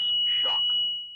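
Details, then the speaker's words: Steady high-pitched continuous tone from a ZOLL E Series defibrillator, AED version, charged and ready after a shock-advised rhythm; it sounds 10 seconds, then intermittent beeping 5 seconds, and the shock must be delivered within 15 seconds before disarming. "On the AED version, a continuous tone will sound for 10 seconds, followed by an intermittent beeping for 5 seconds. The shock must be delivered within this 15-second interval or the defibrillator will disarm."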